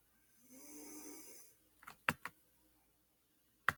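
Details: Man (the recorder's brother) snoring: one soft snore on inhalation, then a few sharp snorts and clicks.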